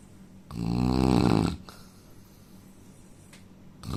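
One loud, rough, vibrating inhaled snore lasting about a second, followed by quiet breathing: ordinary snoring.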